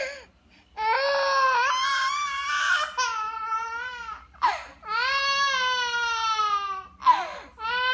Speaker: why you crying why are you crying